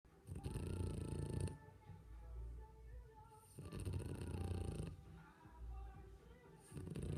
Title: French Bulldog puppy snoring (Boomer the Frenchie)